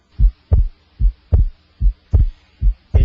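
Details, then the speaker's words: Electronic stethoscope over the pulmonic area: regular paired heart sounds at about 75 per minute, with S2 splitting or widening on inspiration and becoming single on expiration; physiological splitting of the second heart sound. "the second heart sound splits or becomes wider normally with inspiration and becomes single with expiration"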